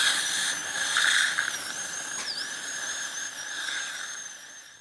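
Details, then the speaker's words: Advanced dental fluorosis case, upper crown preparation with soft interproximal caries being removed before crown cutting continues: steady high-pitched whine dipping in pitch under load, with water-spray hiss; high-speed dental drill. "ఇదంతా soft caries ఈ పుచ్చు మొత్తం remove చేసి గాని మనం crown cutting continue చేయకూడదు"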